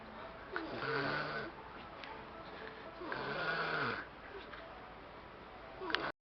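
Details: Snoring: two slow, groaning, nasal snores on the in-breath at roughly 20 breaths a minute, with a soft hiss between.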